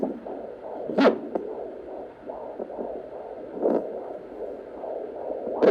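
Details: Fetal heartbeat of a pregnant mother's baby girl, picked up by a Doppler on the belly while the baby kicks a lot: rushing, whooshing pulsations with louder bumps.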